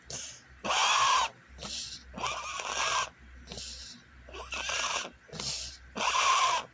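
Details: Dog breathing with loud, rhythmic, harsh wheezing and snorting noises on each breath in and out: wheezing.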